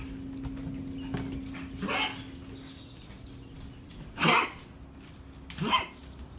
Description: Rat Terrier with bad cough